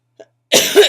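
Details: A faint click, then a single harsh, noisy cough under half a second from an adult with chronic illnesses and bronchitis, with asthma complications, on prednisone; bronchitis cough.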